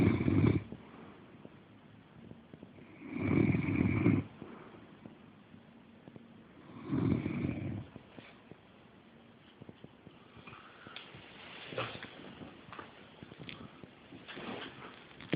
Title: Snoring